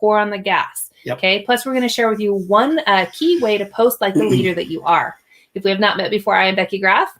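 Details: Adult woman speaking; normal voice.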